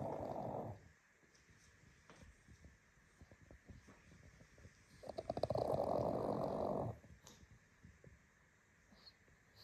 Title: Pug snoring - relaxing sounds 🎶 ASMR